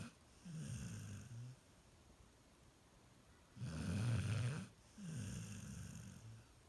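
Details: Female golden retriever puppy asleep: three low, rumbling snores with pauses between, about one every two seconds; snoring.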